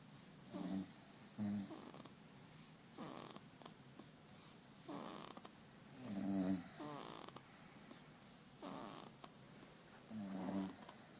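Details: Baby snoring, recorded September 2012: soft snoring with each breath, about six breaths in eleven seconds, with a gentle rattle on some breaths.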